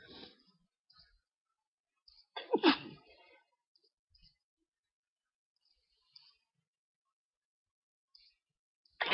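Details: Sneezing from hay fever at night with itchy, tickly nose, unable to sleep: one strong sneeze with soft breaths around it and another starting at the end, quiet room.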